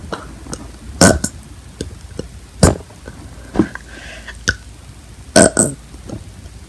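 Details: Repeated belching: several loud, abrupt burps in a row over quiet room noise.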